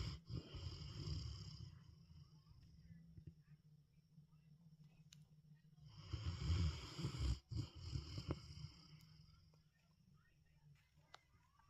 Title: Cane Corso Mastiff Kane snoring. #dogsofyoutube #snoringdog #dogshorts